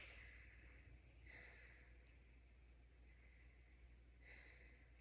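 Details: Student physical therapist auscultating an adult's lungs with a stethoscope over the left posterior basal segment during breathing; lungs reported clear; normal breath sounds.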